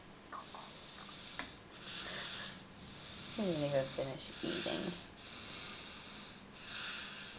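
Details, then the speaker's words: Baby who fell asleep mid-dinner, snoring while asleep: breathy, rasping snores with one short whine in the middle and faint room noise; snoring. "tired, baby. He's snoring. That is so funny."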